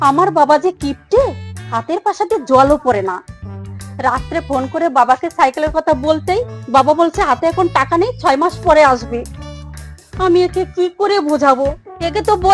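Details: Adult woman, acted drama; Normal fluent speech.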